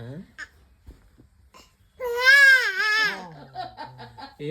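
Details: Infant crying, apparently frightened by snoring: a quiet start, then a loud rising and falling wail lasting about a second, fading into softer sobbing.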